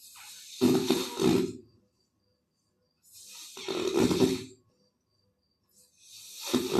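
Loud, rough, rattling breaths in and out, with quiet pauses between them, about two breaths in seven seconds; snoring.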